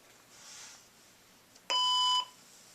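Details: Physio-Control Lifepak 12 defibrillator/monitor powering on during scheduled preventive maintenance, ECG leads connected to a patient simulator: a single steady electronic tone about half a second long in a quiet room; power-on tone.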